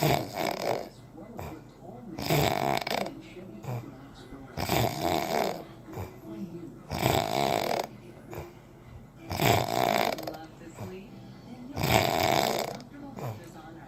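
Loud, rattling snores with each breath in, about six in under fourteen seconds, roughly 25 a minute, some faint room noise between.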